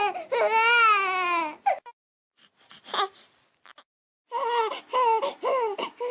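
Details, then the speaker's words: Infant discomfort cry: one drawn-out wail, then short, choppy fussing cries with panting gasps between them. "이렇게 불편하다 할 때는 여지껏 운 거랑 또 달라요. 헐떡거려요. 헉헉거리는 느낌으로 보게 되니까 이 구분이 확실히 간다."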